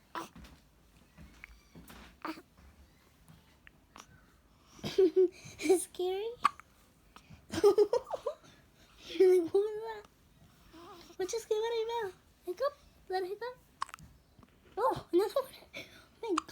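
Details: Female with hiccups, visibly jiggling with each: several brief, abrupt catching sounds among soft voiced squeaks and babble; repeated hiccups.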